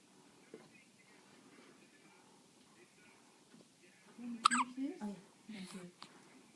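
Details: Baby hiccups: a quiet room, then a few short, abrupt catches of breath with soft infant voicing.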